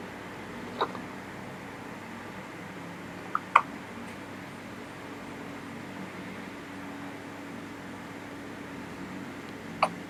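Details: Pet rat sneezing: three brief, faint, sharp sneezes spread over about ten seconds against quiet room noise. The owner suspects allergies.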